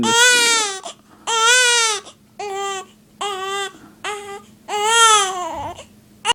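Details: Newborn girl with hiccups, on her day of going home: loud, repeated wailing bursts, about six cries in six seconds with short gasping pauses between them; infant crying.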